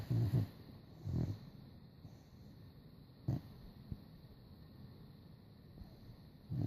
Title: Boxer snore